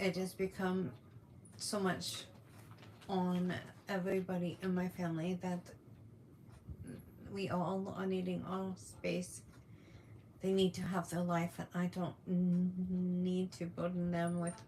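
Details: Adult woman with functional neurological disorder during a symptom flare with tremors, uncontrollable movements and paralysis episodes; hesitations and word repetitions; functional speech disorder.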